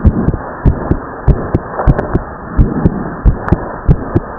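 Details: Heartbeat of a teenage boy just after exercise (he says he pushed himself too hard), fast at about 95 a minute, with the second sound in two close parts: split second heart sound.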